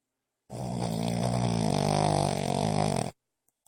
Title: Moo snoring